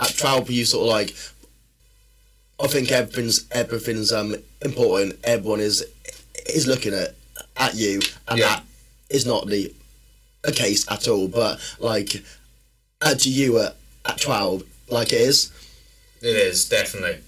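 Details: Man who has stammered since childhood, which he says worsens when tired, stressed or nervous; stuttering.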